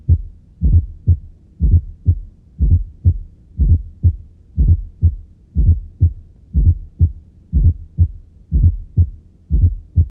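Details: Regular heartbeat near 60 per minute with a soft, low-frequency extra sound just before each first heart sound: fourth heart sound (S4, atrial gallop), produced during atrial contraction; headphones recommended for listening.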